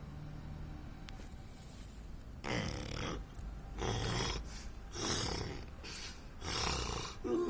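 Four loud, rough, rattling breaths in steady rhythm over a few seconds, with faint room noise; typical snoring.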